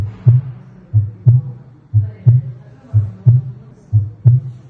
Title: Аускультация сердца